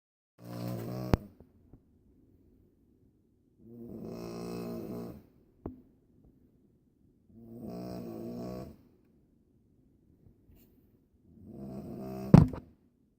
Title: Snoring Airplane